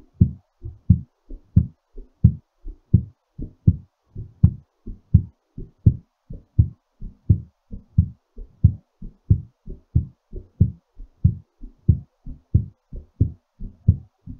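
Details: Strong, quick lub-dub heartbeat at about 90 beats a minute, settling after exercise; a normal heart recovering from exertion.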